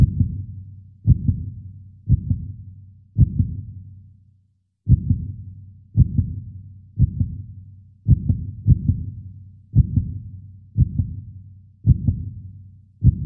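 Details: Human heartbeat from a 3D animation: clean, deep lub-dub at about 56 beats a minute with one short pause; steady, slow heartbeat.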